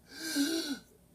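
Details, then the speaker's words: Lung auscultation during patient assessment of an alert man on 15 L/min oxygen via non-rebreather mask, breathing on command; single deep audible in-breath with faint voiced tone under a second; clear lungs, normal breathing. "Breathe in. Breathe out. He seems to have clear lungs."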